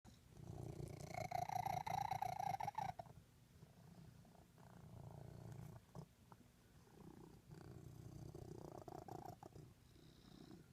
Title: Cute Cat hiccups when purring!